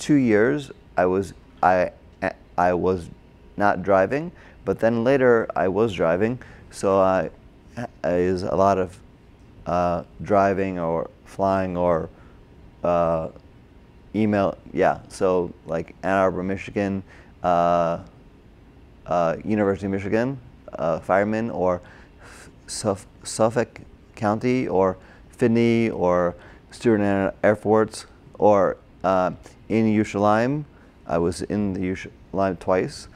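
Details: Broca's (expressive) aphasia in an adult man, a former paramedic, caused by a stroke during heart surgery in 2007, about 10 years earlier; difficulty with names, numbers, reading and writing; had speech therapy, OT and PT after the stroke.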